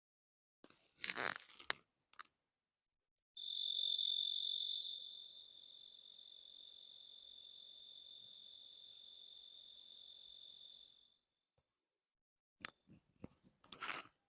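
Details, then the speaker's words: Simulated cricket-type tinnitus: steady high-pitched shrill buzzing, described as combining reactive hypertension with chronic noise plus stress. "Ese es el primer Sonido el segundo sonido es de Grillos"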